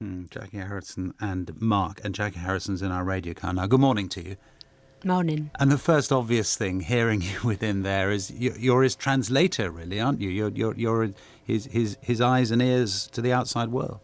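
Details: Adult male radio presenter; typical speech.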